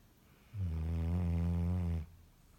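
One loud, deep, steady droning snore of about one and a half seconds from a sleeping dog, in a quiet room.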